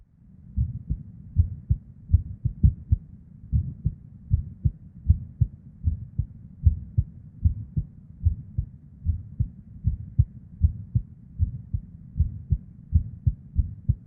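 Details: Irregular female heartbeat: low thumps at about 77 a minute with uneven spacing, early extra beats (PVCs/ectopics) and a soft whooshing blood-flow murmur.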